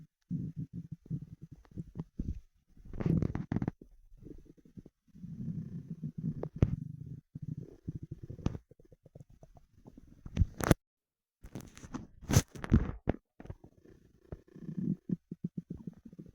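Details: Low gurgling and rumbling bowel sounds in irregular bursts, the stomach growling of hunger after 24 hours without eating: borborygmi, stomach rumbling.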